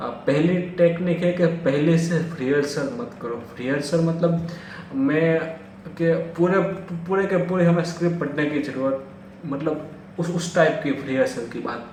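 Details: Stuttering in a man who says he himself stammers, speaking in Hindi.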